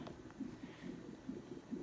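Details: Hospital fetal monitor during labour, the mother on magnesium sulfate and awaiting possible delivery: faint, rapid whooshing pulses at about 135 beats a minute, a baby boy's fetal heartbeat.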